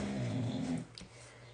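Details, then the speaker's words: Dog during a morning nap, deeply asleep: a single low, rumbling snore fading into quiet breathing; ordinary snoring. "Can you hear Can you hear Otis snoring? He's really really sawing some logs over there. He's tired, puppy."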